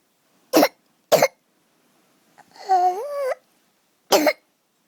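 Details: Child on the third night of croup, asleep, already given dexamethasone and prednisolone, with a viral runny nose: three short harsh coughs and one high, crowing, whistling severe inspiratory stridor; adrenaline nebuliser needed soon after.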